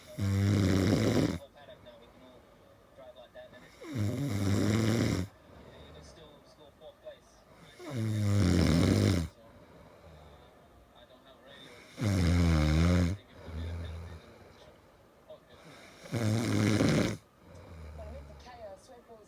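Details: Adult man (husband) asleep: loud, rough, low snores, five in about 19 seconds, roughly 15 a minute, fairly regular with quiet breathing between; very loud snoring.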